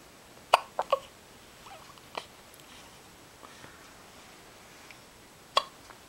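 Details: Five abrupt, sharp gulping bursts at uneven intervals over six seconds in a quiet room: hiccups.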